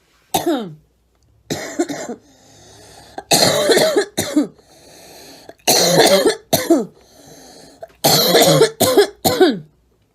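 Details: Young woman coughing: repeated bursts of coughing in groups of two to three, with breathy pauses between them, in a quiet small room.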